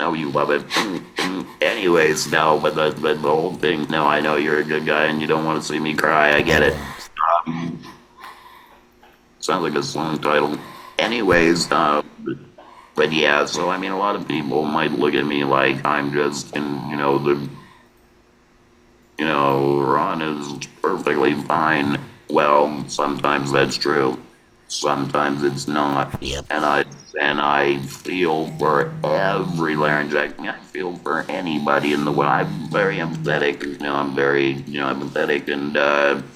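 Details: Laryngectomee man speaking with an electrolarynx: electrolarynx speech.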